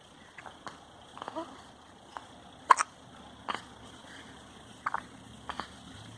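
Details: Baby with hiccups: soft, sharp little clicks repeating at irregular intervals, about eight in six seconds, over faint room noise; infant hiccups.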